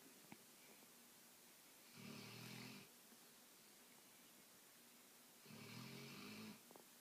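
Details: Female dog snoring loudly during sleep and waking herself up: two rattling snores a few seconds apart over quiet room hiss, roughly 17 breaths a minute.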